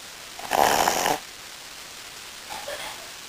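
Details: One loud, rasping snore on an in-breath, then a softer one, in a quiet room from a sleeping Brussels Griffon, a small flat-faced dog.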